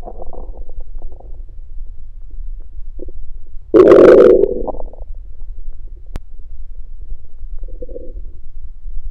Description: This audio is a compilation of my stomach growling one night after fasting.